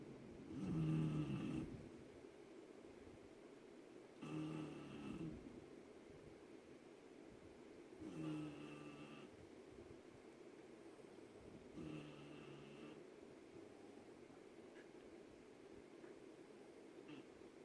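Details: Sleeping Pitbull puppies in a snoring contest: four low, rumbling snores roughly every four seconds, about 15 a minute, with quiet breathing between them; ordinary snoring.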